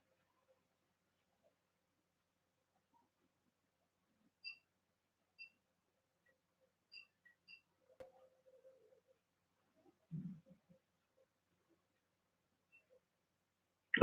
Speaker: you all didn't hear that that was my stomach growling so it's funny